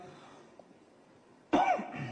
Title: tosiendo